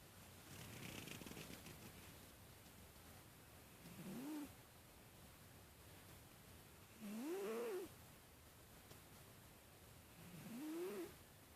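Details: Gingee, a sleeping cat, snoring: soft, rising nasal snores about three breaths spaced several seconds apart, with low rumbling between.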